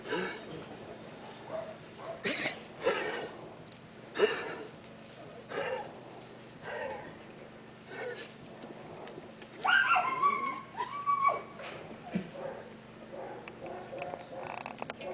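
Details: Repeated dry, honking coughs with a steady hum behind from Pintitas, a dog, described as a cardiac cough needing urgent veterinary consultation.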